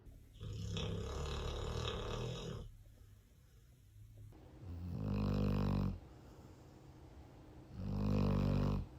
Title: It sounds like this place is in renovation😂 #snoringdogs #funny #doglover #dog #fyp